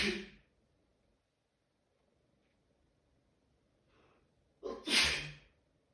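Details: Sneezing fit, possibly the start of a cold: tail of one sneeze, a quiet indrawn breath, then a loud forceful sneeze.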